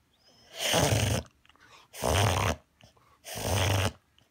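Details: A dog makes three harsh, prolonged snorting inhalations that the owner first thought was reverse sneezing; episodes recurred about every 10 minutes for an hour and worsened, until kibble blocking a nostril was expelled.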